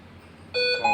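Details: Hamilton C-3 ventilator during a demonstration of settings changes, including simulating stiff lungs; after a moment of room noise a brief electronic alarm tone sounds: a ventilator alarm.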